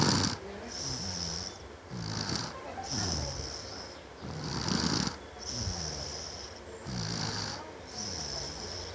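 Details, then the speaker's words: Sleeping young girl snoring loudly and rhythmically, rough low rattling on each breath over a steady high-pitched background hum. "Tuh, tuh dengerin tuh ngoroknya kuat. boboknya ngorok."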